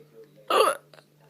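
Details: Person with recurring hiccups lasting about four hours, trying to hiccup loudly: a single loud, abrupt voiced hiccup with a sharp gulping onset, followed by a faint breath; hiccup.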